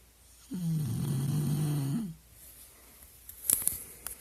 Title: My dog Maynard snoring.